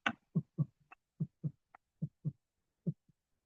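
Regular heartbeat at about 70 a minute with a soft extra sound just before the first heart sound: an S4 gallop.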